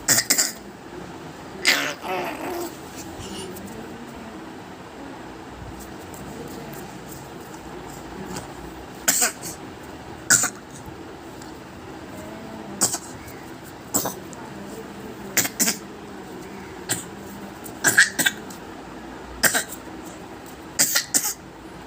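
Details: Repeated short, sharp, dry coughs at intervals, done to draw someone's attention; the coughing stops when people talk to the cougher: a behavioral, attention-seeking cough.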